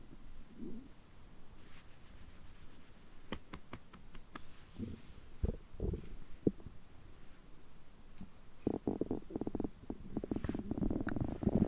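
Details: Digestive sounds recorded after overeating, which continue over 3 hours on such days: low gurgling rumbles and bubbling pops from the abdomen, more active toward the end; ordinary bowel sounds.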